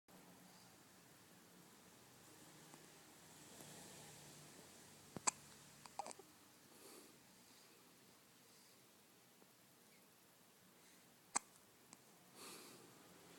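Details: Hiccups during sleep: sharp, brief clicks about ten times a minute in a quiet room with steady background hiss.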